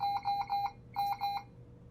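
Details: Puritan Bennett 560 home ventilator alarm, heard while alarm settings such as volume are being adjusted: two bursts of rapid, high-pitched electronic beeps, about four beeps per burst.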